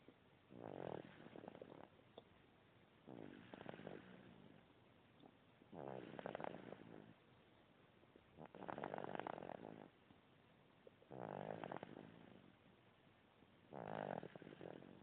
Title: 8 weeks old and snoring!.mp4